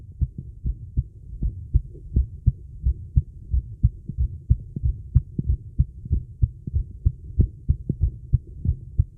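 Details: Female heartbeat recorded during a 30-second plank, recovery and breath-hold: steady low lub-dub thumps at about 95 a minute, slightly fast as after exertion, over a low hum; normal heart sounds.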